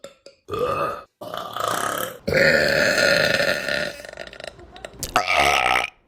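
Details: Several loud, drawn-out throaty belches in a row with short pauses between them; repeated burping.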